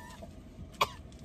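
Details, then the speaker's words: An adult coughs on purpose over a partner's fast food in a car as a prank: a single short, sharp voluntary cough over the low rumble of the car interior. "Stop coughing over my food. No, it's not. Yes, it is. You really coughing."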